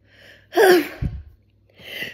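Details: Single sneeze, self-induced by tickling the nose with Q-tips while trying to hold back the sneeze urge: sharp in-breath, then a forceful burst and a short trailing breath.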